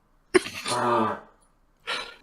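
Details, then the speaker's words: Dog with kennel cough (canine infectious tracheobronchitis), first thought to be choking: a sharp cough followed by a long honking, goose-like note. "It sounds like he's trying to master He the has duck kennel call. cough. He's got kennel cough."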